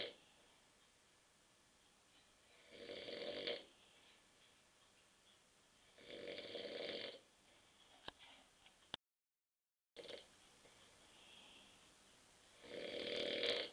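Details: An adult man asleep on a sofa after drinking too many beers gives rough, rattling snores on each in-breath, roughly every three seconds, with quiet room noise between.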